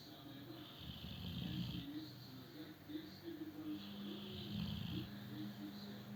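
Low, rumbling snoring breaths with a fluttery quality, partly masked by steady room noise; a dog snoring.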